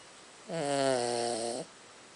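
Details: Snoring during sleep from a pet recently shaved for summer and wearing a jumper: a single drawn-out, tonal snore of about a second, with a steady buzzing pitch over quiet room noise.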